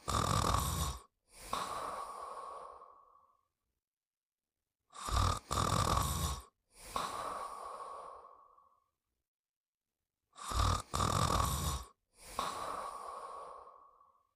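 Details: Snoring while sleeping: repeating snorting inhalation then long rumbling exhalation, about 11 breaths a minute.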